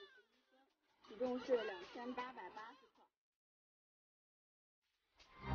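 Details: Short burst of high-pitched crying, then silence, from a newborn girl (one of twins) just after birth; an ordinary newborn cry.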